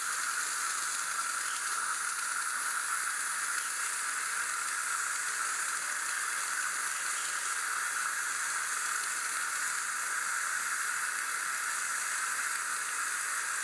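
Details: Steady high-pitched hiss and sizzle of an ultrasonic dental scaler spraying water warmed to body temperature during an in-office dental cleaning.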